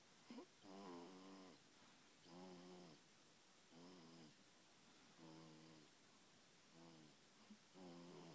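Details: Animal aged 7 weeks, asleep: soft, buzzing snores on each breath, about 40 a minute, against faint quiet room hiss; snoring.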